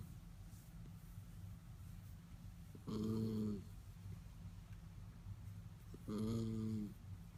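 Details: Sleeping schnauzer dog snoring: two short, buzzing, tonal snores on the in-breath, about 18 breaths a minute, over a steady low room hum.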